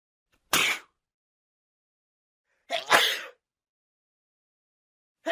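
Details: Male and female sneezing sounds, edited sound-effect compilation of different voices; sneeze.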